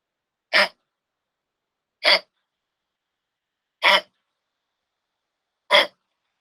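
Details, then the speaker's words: Dog with canine infectious tracheobronchitis (upper respiratory complex) gives four harsh, dry, strong, irritating honking coughs, ending in an attempt to expectorate: the typical goose-honk cough. "Parece el graznido de un gansito, por eso se le llama así tos de ganso. Y siempre, al final, tratan de expectorar, ¿de acuerdo?"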